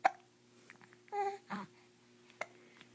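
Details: Two brief, sharp clicking gulps about two seconds apart, with soft babbling between them in a quiet room: hiccups.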